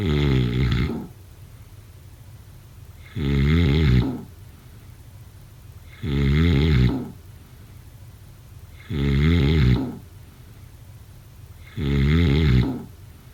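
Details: Regular, deep rattling snores, about 21 a minute, with quiet exhalations between them in a small room; snoring during sleep.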